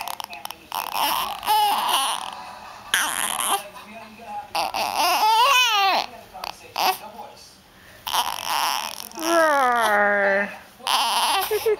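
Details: Fussy male infant, tired of his hiccups, crying and whimpering in rising and falling wails while an adult speaks softly; the caregiver wonders if he is hungry; infant cry.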